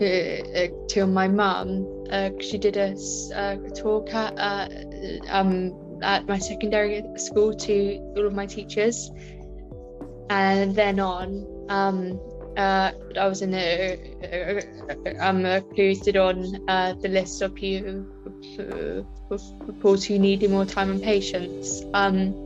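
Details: Woman with a stammer since about age five, with filled pauses and repetitions; stammering.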